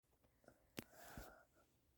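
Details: Dex, said to have a nasty cough, on waking in the morning: a single short, sharp burst of air followed by a softer breathy puff, a small sneeze.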